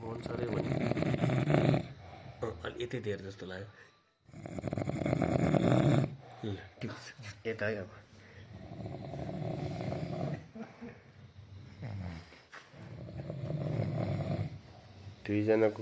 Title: Snoring Competition of my friend during Local Level election camp somewhere in the rural Nepal 🇳🇵